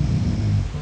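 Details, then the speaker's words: Brief low, steady, rumbling snore with a coarse, buzzing quality from a sleeping adult. "Junge, das ist doch nicht echt. Wer schnarcht denn so? Digga, das hört sich an wie so ein Laubbläser, der nicht mehr funktioniert."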